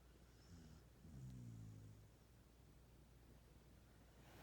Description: Our dog snoring after a hard day eating Tlayudas from Monte Albán restaurant.